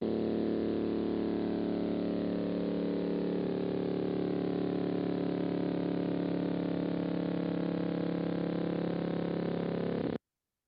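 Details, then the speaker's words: Complex repetitive discharge on needle EMG, with multiple time-locked spikes: steady, rapid, machine-like buzzing that starts and stops abruptly, like a jackhammer, motorboat or motorcycle. "it s has a distinct sound I think of this as sounding like a jackhammer some people say it sounds like a a motor boat or motorcycle"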